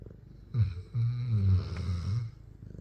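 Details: Cane Corso dog asleep: low, rumbling snore with a fluttering, rattly tone during one long breath; loud snoring.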